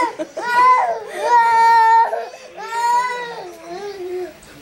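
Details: Young child crying after quickly finishing an ice cream: loud wailing in long drawn-out bursts with breaths between; an upset child crying.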